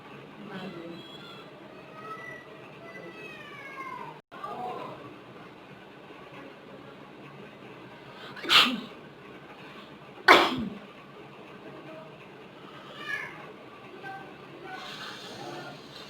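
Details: Two sharp, explosive sneezes over low background noise and faint sounds: ordinary sneezing provoked by tickling the nose with grass.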